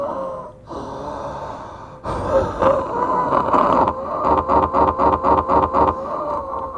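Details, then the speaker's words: Close-miked breathing from a sick adult man showing off his chest: steady whistling tone and rapid rattling pulses, a congested, wheezy chest; listener likens it to a lung infection. "can you hear my [ __ ] chest right now I'm sorry excuse me but do you hear that listen to that in there and you're that sick"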